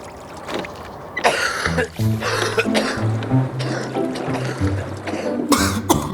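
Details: Acted adult coughs, several short and sharp, over background music in a simulated advertisement for an ambroxol cough medicine.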